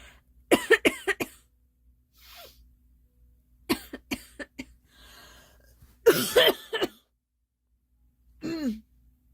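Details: A girl's repeated cough: several clusters of short, sharp coughs separated by quiet gaps, with a voiced sound at the end.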